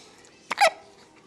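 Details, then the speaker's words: Drowsy infant boy just after a diaper change, with repeated hiccups he has had many times: a single short, abrupt hiccup, a sharp catch of breath with a quick voiced release. "so many hiccups hiccups are unpleasant and he's had them quite a few times"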